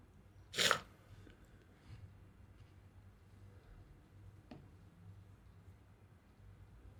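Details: A single sharp sneeze burst, then quiet room noise and a faint second snort; a sneeze.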